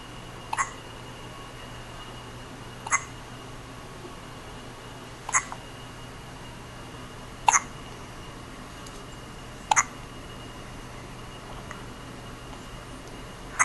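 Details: Newborn less than a day old with hiccups: six short, sharp hiccups at roughly two-second intervals, about 27 per minute, over a steady background hum.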